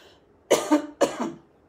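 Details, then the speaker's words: Adult speaker coughing mid-talk on what she calls an allergy day, then suddenly losing her voice: two quick, harsh dry cough bursts with short rough tails in a quiet room. "excuse me it's an allergy day"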